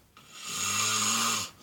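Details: Loud, buzzing inhaled snore lasting over a second with a low rattling tone; snoring.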